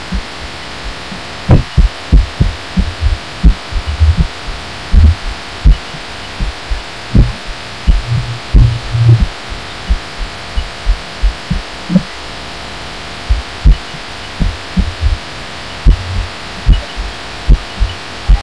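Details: Heartbeat recorded by a person lying down, felt against a pillow, audio amplified; loud, muffled thumps with uneven spacing and hum, reportedly getting odd toward the end; the person wonders about arrhythmia, unconfirmed.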